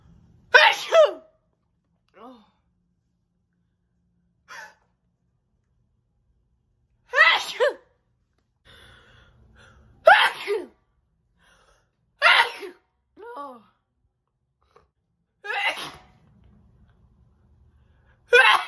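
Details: Woman sneezing, trying to make the sneezes bigger after holding back: a series of about seven forceful, voiced sneezes, each a sharp burst with short breaths in between.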